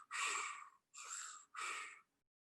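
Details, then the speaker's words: A lecturer vocally imitates bronchial breathing, with harsh, hollow, blowing breath sounds and loud expiration, as heard with a stethoscope over lung consolidation in pneumonia. "type of breath sounds that's called bronchial breathing so you get a bronchial breathing type of breath cells when you hear over consolidation"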